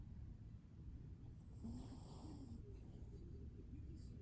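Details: Sleeping dog giving a faint snoring breath over steady low rumbling room noise; snoring.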